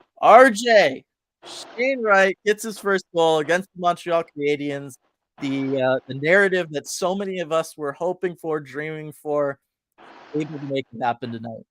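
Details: Adult male speaker; normal speech.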